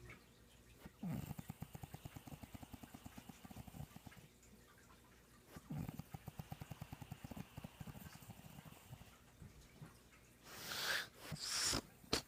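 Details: Adult woman (mother) asleep, snoring loudly, likened to a car engine; snoring.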